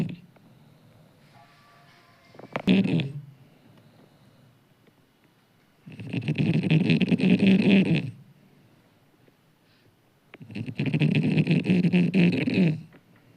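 Two long, low rattling snores about four seconds apart, after a brief snort. Snoring.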